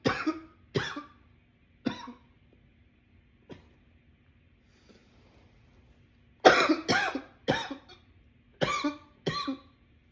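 Repeated harsh coughs in clusters, about nine bursts with pauses between, forming a prolonged coughing attack.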